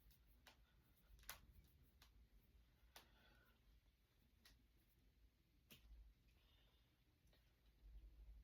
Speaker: I'm gonna crack my fingers because I want to and it feels good.